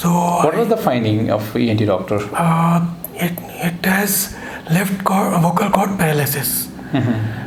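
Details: Adults in conversation; normal voice.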